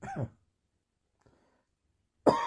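Two separate dry coughs with a quiet pause between them, typical of a lingering post-viral cough.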